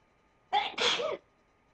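A single sharp sneeze, a quick breath in followed by an explosive hissing burst, in a quiet room.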